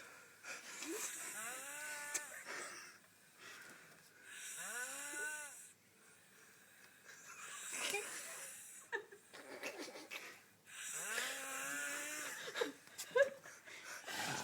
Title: Drunk lady snoring in Margaret river